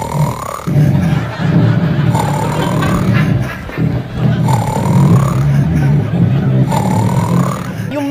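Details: Comic adult imitation of snoring in a theatre clip: about four rhythmic, rattling low snorts with a rising whistle, roughly every two seconds.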